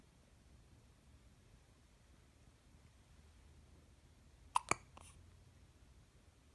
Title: Two week old hiccups